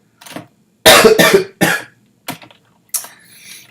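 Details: Run of several harsh, forceful coughs in close succession from an adult live-streaming programming who says they can't get over this cough; persistent cough.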